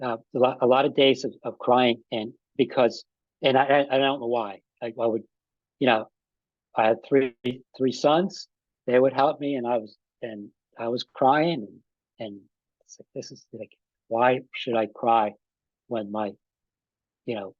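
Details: Adult man with aphasia after an ischemic stroke with a simultaneous heart attack about five and a half years earlier; still has trouble with names and word tenses; aphasia.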